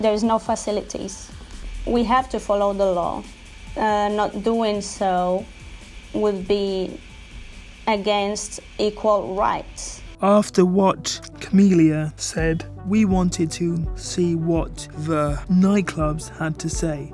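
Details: Adult man, wheelchair user, with cerebral palsy affecting his movement and speech: dysarthria (cerebral palsy)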